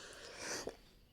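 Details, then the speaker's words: Adult woman with a persistent, severe cough gives a single soft, muffled cough against quiet room noise. "ചുമയ്ക്കൊരു അറുതിയില്ല കേട്ടോ, ഭയങ്കര ചുമയാണ്. അത് കാര്യമാക്കണ്ട, നിങ്ങൾ ഒന്ന് ക്ഷമിച്ചേക്കണേ."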